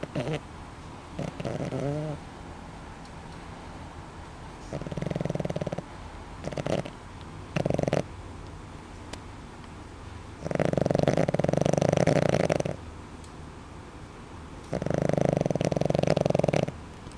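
Long rattling, buzzing breaths with quieter gaps between them; snoring during sleep.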